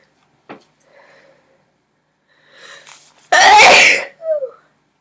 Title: Sneezer sneezing sneezes 2